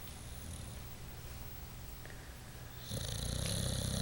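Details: Snoring from a sleeping dog: a low, fluttering rumble that grows louder and rougher toward the end.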